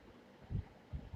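Low, dull heart thumps are heard; the first heart sound marks atrioventricular valve closure as contraction begins.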